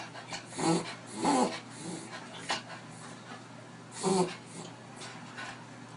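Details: Dachshund dog reverse sneezing: irregular honking, snorting breaths in with some whiny tone during a reverse sneezing episode.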